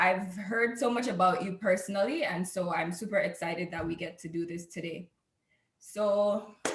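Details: Adult woman speaking; normal voice.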